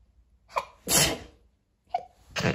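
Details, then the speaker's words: Person sneezing repeatedly, attributed to dust from putting up a Christmas tree: two sneezes, each a quick in-breath followed by a sharp burst of air. "I've put my Christmas tree up today and it is really really dusty um I have been sneezing and sneezing and I feel like I'm going to sneeze"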